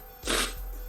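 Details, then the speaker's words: Adult sneezes mid-sentence while reading history dates aloud; after "bless you," someone remarks it sounded painful and the sneezer says it hurt a little. "Oh, yeah, I gotta sneeze down. Bless you. Oh."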